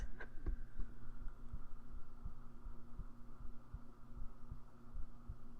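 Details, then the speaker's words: Steady, regular low thumps of a resting adult heartbeat at about 80 beats a minute, in an ASMR roleplay; normal heartbeat. "Here, place your head on my chest. I've heard that if you listen to someone's heartbeat, your own heart will try to sync with the other person's heartbeat as well."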